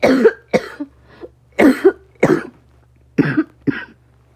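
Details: About six short, sharp coughs in uneven pairs and singles over four seconds, in a quiet room.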